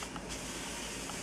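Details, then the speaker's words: Yankauer (tonsil) suction tip connected via tubing to a suction regulator set to continuous, tapped on the hand: steady loud hiss of suction airflow changing slightly with tapping; Yankauer suction working. "The suction regulator has a on and off button. Off. Continuous. And it makes some noise."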